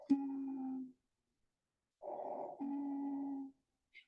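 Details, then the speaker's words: Expiratory wheeze on a simulation manikin (SimMan) chest, heard by stethoscope in training: two sustained, musical whistling tones on breathing out; bronchodilator (salbutamol) indicated. "this is wheezing once you hear wizes there is a step to be taken you need to Boler and give Sal"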